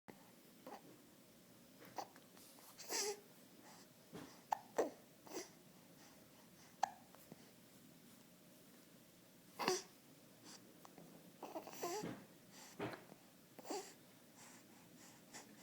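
Irregular, brief catching sounds between soft baby noises in a quiet room; infant hiccups.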